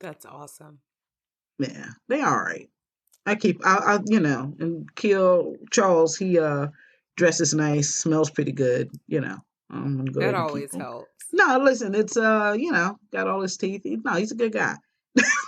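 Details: Aphasia in an adult woman, a stroke survivor.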